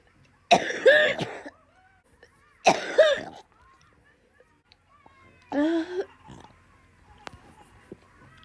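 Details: Three separate loud, harsh voiced cough bursts, the last one shorter, with quiet gaps between; plain coughs from a compilation.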